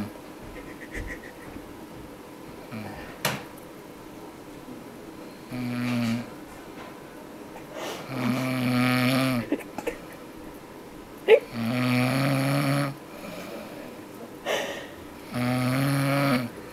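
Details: A mother snoring: loud, rattling snores on each breath in, about four in the clip, roughly every three to four seconds.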